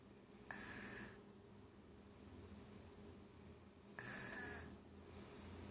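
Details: Toddler who fell asleep in her chair while lunch was being made, snoring and then waking herself up: two harsh, hissing snores about three seconds apart, with soft breathing between and a low room hum.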